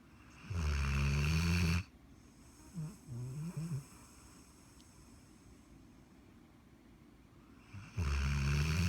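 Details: 1-year-old Walker hound snoring while asleep: two loud, deep, rattling snores separated by a quiet exhale with soft snuffles.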